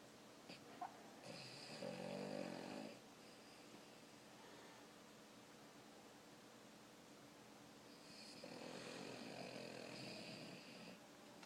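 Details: Boston terrier snoring: two long, raspy snoring breaths several seconds apart, with a quiet room between them; a sleeping dog's snore.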